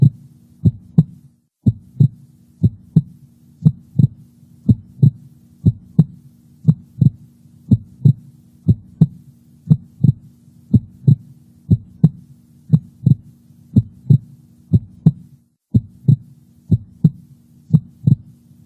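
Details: Normal heart sounds recorded with a Heart Sound Recorder, a specialized microphone placed over the heart's valve areas: regular, crisp, clean lub-dub pairs at about 60 beats a minute with no murmur.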